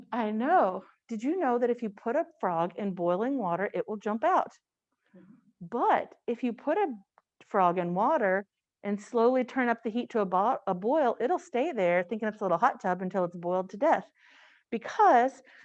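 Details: Adult woman speaking; Normal speech.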